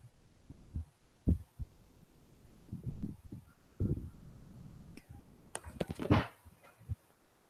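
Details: Recorded mitral stenosis heart sound played in a cardiology teaching seminar: dull, low heart thumps with a low rumbling noise between some beats, over room noise.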